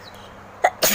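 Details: Woman performing deliberate sneezes for a sneezing challenge, with nose-blowing into a handkerchief.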